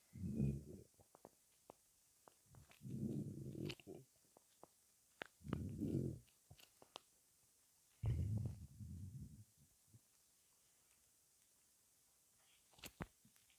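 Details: Stomach rumbling after 23 hours without food: irregular low gurgling bowel sounds (borborygmi) in one-to-two-second bursts with quiet gaps and faint clicks.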